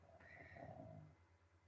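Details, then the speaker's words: A dog sitting nearby gives a faint, low, rattling snore, heard once over a steady electrical hum. "um buddha is sitting right next to me snoring so that if you can hear him then i'm sorry"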